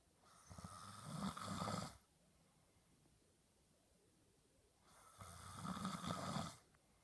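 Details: Sleeping husband: two rattling snores on in-breaths about 4 to 5 seconds apart, with quiet pauses between; snoring.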